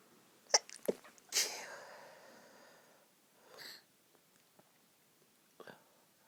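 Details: Woman trying to sneeze quietly while her friend sleeps next to her: several quick, muffled sneezes held back, then soft breaths in a quiet room; stifled sneezing.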